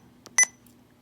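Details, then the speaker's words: Sapphire IV infusion pump in-service training (ambulance district): two short high beeps from touchscreen keypresses while entering infusion time during programming; infusion pump keypress beeps. "maybe it's uh you want to do that in amount of time you can you just simply enter the time and again there's your maximum and minimum ranges uh"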